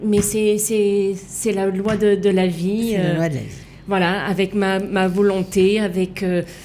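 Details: Female left aphasic with right-sided hemiplegia after an accident and coma; for years could not place her tongue correctly, fought 7 years to relearn walking and speaking; aphasia.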